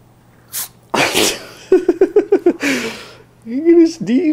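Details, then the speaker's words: Teacup Chihuahua puppy sneezing when its nose is petted: about three quick sneezes in succession with short whiny snorts and little vocal sounds between. "I pet your nose silly dog oh you get the sneezes oh did you get the sneezes do you like it you're a good boy you get the sneezes was super cutie"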